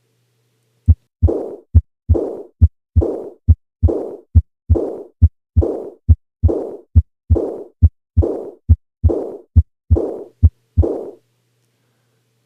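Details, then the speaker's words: Aortic regurgitation murmur: a diastolic, decrescendo murmur with a blowing quality. "that's because this is a diastolic murmur its shape de Crescendo and what about its quality I think many people would agree that it sounds blowing in nature"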